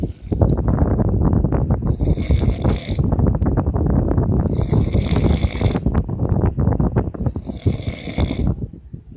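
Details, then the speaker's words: Adult man asleep with heavy snoring: a loud, continuous rattling snore with deep low rumbling and hissing breaths, about three breaths in nine seconds, with fan wind noise in the background. "This is what my boyfriend sound like when he sleep, y'all. He is so loud. Oh my gosh."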